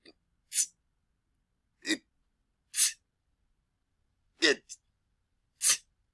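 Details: Custom-made loud sneeze sound effects, a series of repeated "achoo" sneezes; sneeze.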